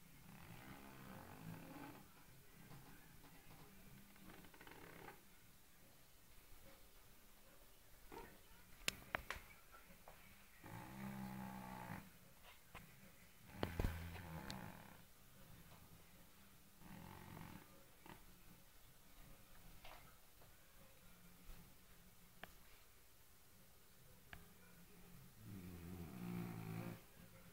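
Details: Fat white cat snoring really loud while sleeping: low, rumbling snores every few seconds in a quiet room.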